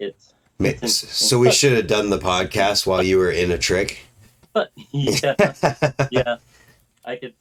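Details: Adult male speaker; typical speech.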